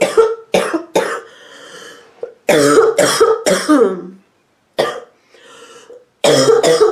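Repeated short, harsh, barking coughs from an adult woman in clusters, with brief wheezy breaths between.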